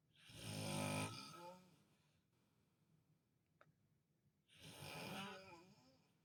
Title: daddy snoring funny while visiting hospital funny nurses heard this when they came in